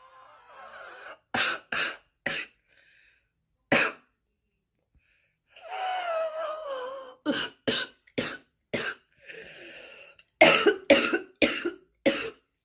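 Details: Bad smoker's cough: repeated harsh, rattly bursts in clusters with throaty clearing and strained breaths between them; chronic smoker's cough.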